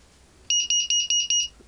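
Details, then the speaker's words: Five loud, evenly spaced high beeps from a syringe pump (Perfusor) alarm after a bolus in a demonstration, before the alarm is silenced for a minute. "vypneš týmto na minútu som stíšil alarm ale ono vidíš tuná dáva taký kit tlak"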